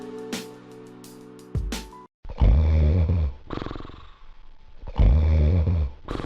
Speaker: Snoring is caused by the relaxation of the tissues in your throat which start to vibrate when the air passes through them. These tissues partially block your Airways--the narrow the gap where the air needs to pass, the louder the snoring will be.